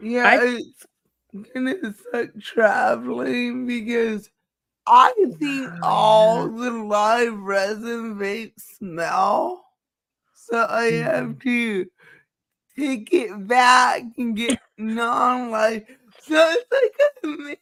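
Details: Dysarthria in a woman who states she has cerebral palsy and that nothing can be done about it; finding: dysarthria (cerebral palsy).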